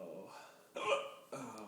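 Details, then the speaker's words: Person with persistent hiccups unrelieved by lying down or drinking water, describing muscle spasms and double hiccups: two abrupt, voiced gulping catches about half a second apart, each cut off sharply over quiet room noise; hiccups. "this is the way i hiccup the most dramatic gay people it's like it's like a broncos bucking except for like you feel good for a couple seconds like hey i'm not hiccuping again and there it is"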